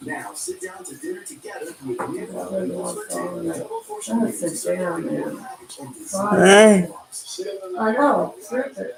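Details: Adult man with cerebral palsy, dysarthric speech during live-stream chat; lives with mother and a caretaker.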